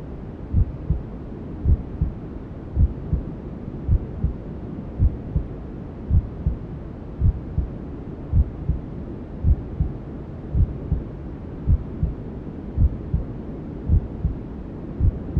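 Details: Simulated ASMR womb sound for settling newborns: steady, muffled maternal heartbeat at about 54 beats a minute under a constant hiss of white noise, as heard from inside the womb.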